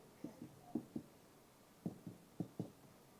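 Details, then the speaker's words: Nursing OSCE abdominal assessment demonstration on a person: six dull finger-on-finger percussion taps in pairs with slightly differing pitch, moving through the abdominal quadrants; different sounds in different areas, a normal examination finding. "And you probably can hear that there's different sounds being made in the different areas."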